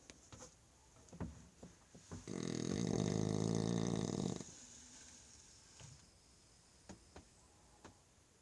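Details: French Bulldog asleep after supper: one long, loud, buzzing snore of about two seconds with soft sniffs and clicks before and after; snoring.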